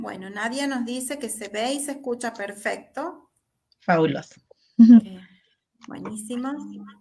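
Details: Adult woman speaking Spanish; typical adult speech.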